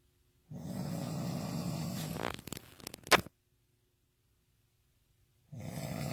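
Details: Intense snoring from a person described as drunk: loud, rough, rattling snores on the in-breath, one ending in a sharp snort, then a pause before the next.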